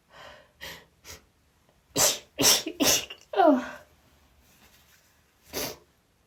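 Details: A quick run of about six rapid, sharp sneezes from a female with gasping breaths and false starts between, set off by trying chhinkni for the first time.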